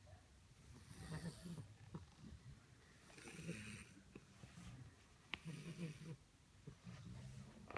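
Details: English Bulldog puppy snoring very loudly: low, rattling, fluttering snores at an irregular pace, about 27 a minute, in a quiet room.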